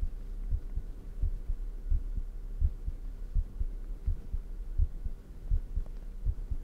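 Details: Own heartbeat recorded close up for ASMR: steady paired lub-dub thumps at about 83 beats a minute over a low hum; a regular heartbeat.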